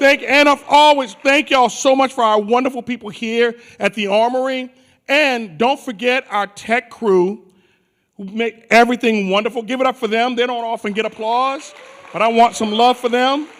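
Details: Adult male; normal voice.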